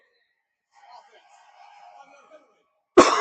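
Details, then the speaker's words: A single abrupt, forceful cough at the end of faint background sound, from an adult livestreamer who says they are a little sick and have been coughing. ">> Also being a little bit sick chat. Last night I didn't feel it once [snorts] >> besides the coughing."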